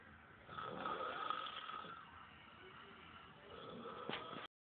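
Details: Rough, rattling sleep breathing with a fluttering snore on the breath, over about one and a half cycles with faint room noise; snoring.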